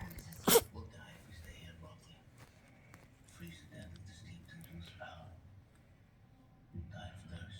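One brief sharp sneeze near the start, then quiet room sounds and faint background talk.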